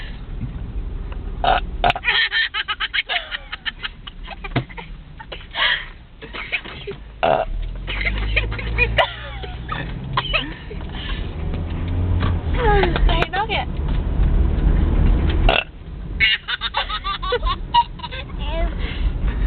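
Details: Child belching repeatedly in a car: long, loud, rumbling burps over noisy background sounds while a baby laughs.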